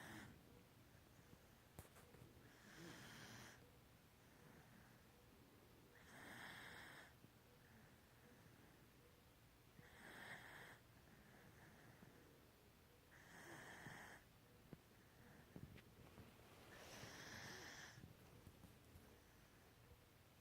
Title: Snoring Bayleigh 10/27/16